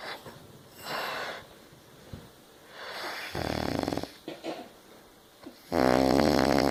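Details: Loud snoring described as choking on one's own throat: rattling, fluttering snores on inhalation between quieter breaths, from soft tissue vibrating in a partly narrowed airway.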